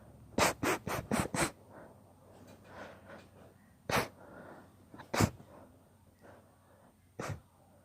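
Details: Long induced sneezing fit: a rapid run of five sharp sneezes, then three more spaced out, with sniffing and breathing between.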